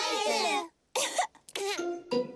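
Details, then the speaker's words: Simulated cough from an animated cartoon character (young animal) diagnosed by a cartoon doctor with a contagious throat cough: a couple of short, sharp acted coughs between spoken lines. Cough. "Як я й думав, кашель у Педро такий заразний. Песик Денні і овечка Сьюзі заразилися від Педро."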